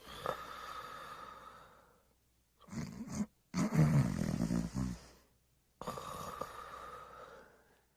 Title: The Pink Panther Snoring and Smacking his Lips